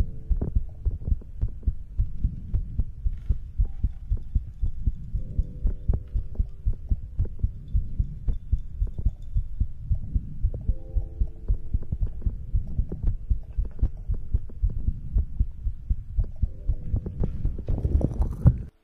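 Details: ASMR recording of a person's own heartbeat for sleep: steady, soft low thumps with a faint hum behind, a little fast at roughly 115 a minute; normal heartbeat.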